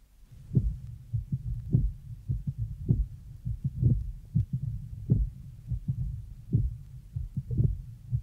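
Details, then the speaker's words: Mitral stenosis: loud S1 varying in intensity, loud opening snap after S2, then rumbling murmur filling diastole, on a 1966 teaching record, played slowed to half rate then normal speed; heart murmur. "the first heart son is loud and varies in intensity a loud opening snap is heard following the second heart sound and then a rumbling murmur which fills diast"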